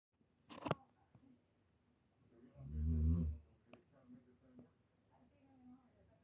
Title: LABRADOR RETRIEVER PUPPY SNORING IN HER SLEEP #youtubeshorts #shorts